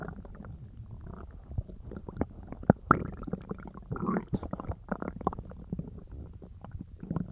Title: (my last video of 2024!) cloud's stomach rumbling